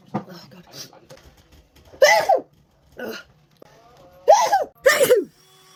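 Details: Speeded-up recording of several sharp, explosive sneezes, each with a brief vocal onset, in a small room; a run of sneezes.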